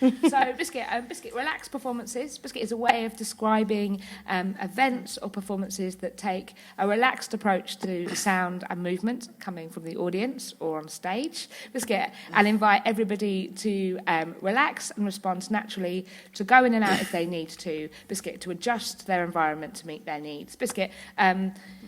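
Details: Woman with Tourette syndrome whose frequent vocal tics are especially the words "biscuit" and "hedgehog"; several times a day her tics intensify until she loses control of her body and speech. Vocal tics (Tourette syndrome).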